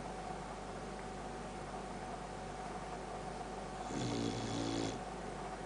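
One short, rattling snore from a sleeping dog near the end, over steady room noise.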